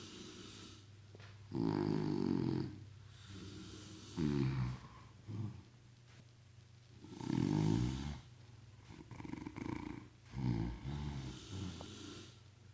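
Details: Synchronized snoring from two sleepers: loud, rattling, low-pitched snores recurring with quieter breaths between them against steady room hum.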